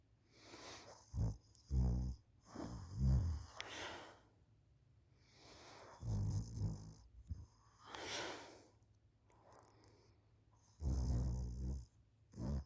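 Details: School student asleep on the couch after school, recorded by a parent: low, rough rattling bursts on breathing, separated by quieter gaps; snoring.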